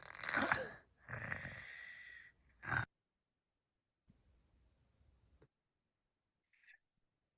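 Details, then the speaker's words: Home video of a young boy with pediatric obstructive sleep apnea: strained snoring breaths with failed airflow, about four seconds of silence, then a gasp and loud snort with chest retractions; obstructive sleep apnea snoring and snorting. "And then you'll hear him gasp. You'll be able to see his chest retract. You'll hear him snort and snore."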